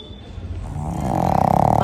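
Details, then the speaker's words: Sleeping dog with a bad cold, breathing difficulty the day before, seen by a vet and on medication: rough, rattly, snore-like noise with each breath; noisy, labored breathing. "আওয়াজ হচ্ছে দেখছো তো, নিঃশ্বাস নিলেই ওরকম আওয়াজটা হচ্ছে, কারণ ও ঠিক মতো নিঃশ্বাস নিতে পারছে না, শ্বাসকষ্ট মতো হচ্ছিল কালকে।"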